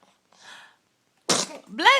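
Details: Infant girl: a faint breathy intake, a brief pause, then a sudden explosive burst followed by a short voiced sound: a sneeze.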